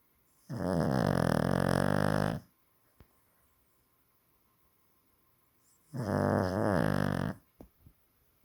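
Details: Two long, loud, rumbling snores from a sleeping dog, each about two seconds, separated by quiet pauses; heavy snoring.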